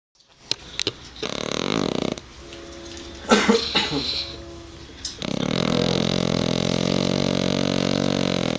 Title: my pug snoring very loud!